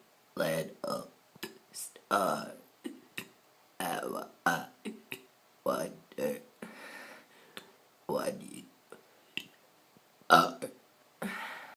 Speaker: I'm going to burp Twinkle Twinkle Little Star twinkle twinkle star